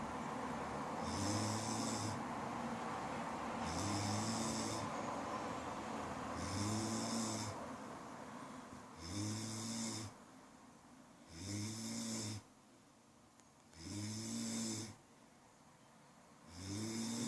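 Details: Ordinary human snoring: loud, rattling snores at a steady rhythm, about 24 per minute, with quiet gaps between.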